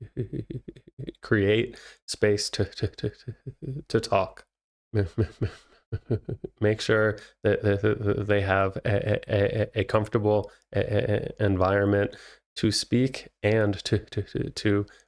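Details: Stuttering in an adult male, a licensed speech therapist who says he stutters himself; no visible disfluencies in this stretch's transcript.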